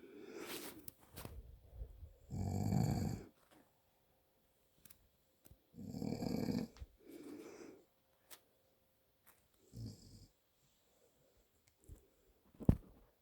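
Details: Adult man (father) snoring during sleep: loud, rough snores in irregular bursts with quiet gaps between them.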